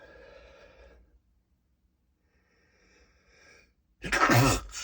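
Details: Adult trying to stifle strong sneezes: quiet breathy build-up, then a short, forceful, muffled burst held back in throat and nose; a stifled sneeze.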